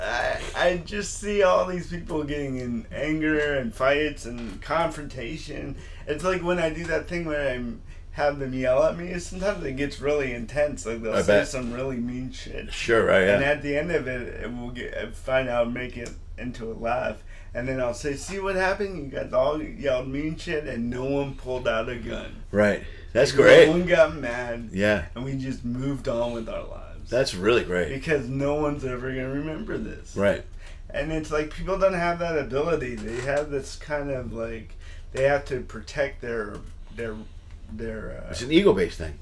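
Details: Adult male comedian with lifelong dysarthria from cerebral palsy present since birth, speaking on stage; says he always sounds like this; dysarthria (cerebral palsy).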